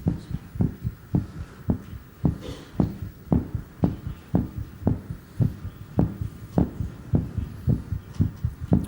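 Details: Rapid heartbeat thumps at roughly 110 to 120 a minute, slowing from a peak of 140 while a doctor watches the rate fall during a deliberate heart-rate demonstration; tachycardia easing downward.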